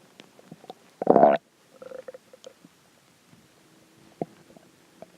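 A short gurgling growl followed by scattered faint bubbling sounds: hungry stomach growling, a normal finding.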